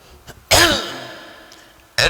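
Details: Adult man, a monk giving a Buddhist sermon, makes a single loud, harsh throat-clearing burst with a ringing echo afterward and a brief repeat; throat clearing.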